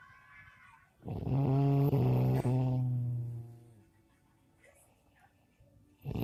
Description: Proof that my brother snors